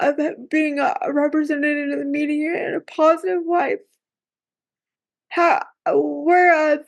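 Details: Woman with cerebral palsy who says talking is hard for her; dysarthria with cerebral palsy.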